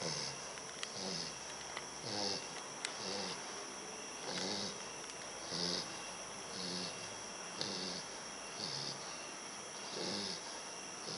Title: Sumo : snoring bulldog puppy